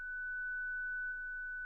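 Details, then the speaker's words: ZOLL Zenix hospital defibrillator/monitor with external paddles, 30-joule self-test: the device charges and sounds a steady, unbroken high continuous tone while the apex paddle shock LED lights, ready to deliver a shock. "Sélectionnez la touche Autotest 30 joules. Vérifiez que Zenix se charge, qu'un son continu retentit et que la LED de choc de la palette apex s'allume."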